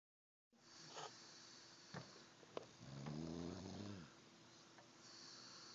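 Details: Person snoring in sleep, recorded on an Android phone: one rumbling, vibrating snore on an in-breath over a steady room hum, with a few faint clicks.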